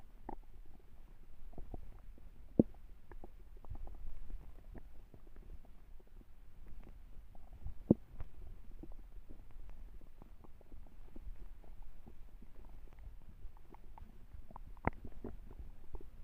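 Quiet, scattered low gurgles and faint clicks from the abdomen; a hungry stomach growling, ordinary bowel sounds.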